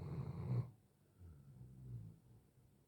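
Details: Five-year-old Doberman snoring in his sleep: one deep, low rumbling snore followed by quiet breathing; harmless dog snoring, real unedited recording.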